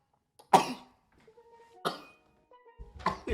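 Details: Male streamer with allergies he blames on weather changes: three sharp, explosive bursts in quick succession with quiet gaps between; rapid sneezes.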